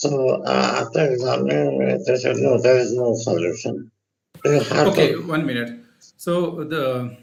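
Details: Adult male, pre-treatment recording from 26 January, with left vocal cord paralysis after neck cancer treatment and partial tongue removal, before voice therapy; dysphonia from unilateral vocal fold paralysis.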